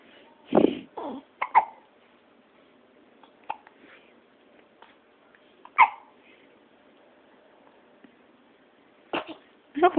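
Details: Baby girl with hiccups: brief, abrupt catches at irregular intervals, some in quick pairs, against quiet room noise.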